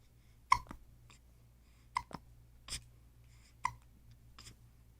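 Sharp, brief hiccup sounds recurring irregularly, about five in five seconds, each a sudden catch of breath in a quiet room.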